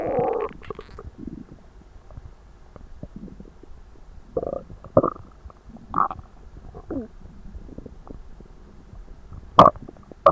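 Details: Bowel sounds (borborygmi), loud gurgles and stomach noises, in a person very stuffed after a large Christmas dinner, recorded during digestion, belly described as tight and achy.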